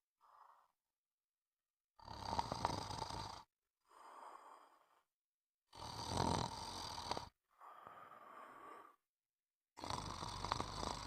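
Harsh, rattling breath sounds, louder and softer in turn, with silent gaps between; snoring.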